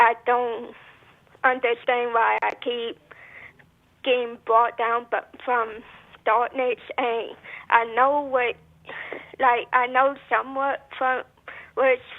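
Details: Adult woman who says she may stutter as part of another disability, and who also mentions PTSD; stuttering.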